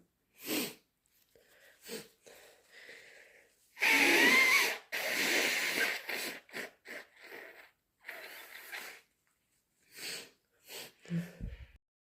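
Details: Several loud, explosive sneezes and long, noisy nose blows with sniffing from a person still sick with a cold; sneezing and nose blowing.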